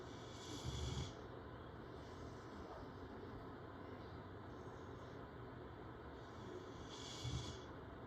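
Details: Yellow Labrador dog snoring while asleep after a short run in the backyard: soft, low snoring breaths roughly every six seconds over steady background hiss; quiet snoring.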